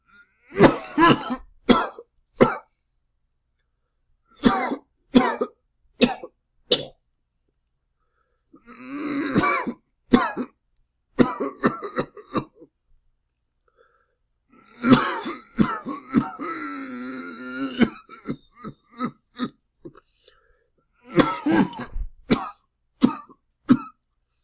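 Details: Acted adult coughing made as a sound effect, in several loud bouts of short, harsh bursts with some throat clearing: simulated cough.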